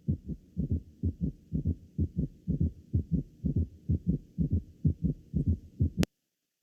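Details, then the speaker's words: Summation gallop: shortened diastole makes S3 and S4 fuse into a low-pitched, prolonged mid-diastolic sound often louder than S1 and S2; rapid low heart sounds with extra soft beats, a quadruple rhythm. "lo cual va a producir este galope de zumma se va a poder escultar como un ruido mesodi estío de un tono bajo prolongado y a menudo va a ser más intenso que el s1 y s2"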